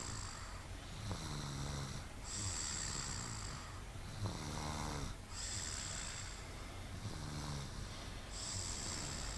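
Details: Snoring: steady rhythmic snores on each in-breath, about 19 breaths a minute, over constant low room noise.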